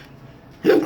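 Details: Persistent intractable hiccups since December 2015, with choking and breathing spasms, cause undiagnosed, recorded August 2019: a single short, abrupt hiccup after quiet.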